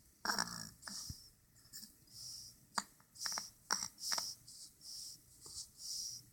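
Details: A sleeping dog snoring lightly through the nose with quick, hissing, snuffly breath noises.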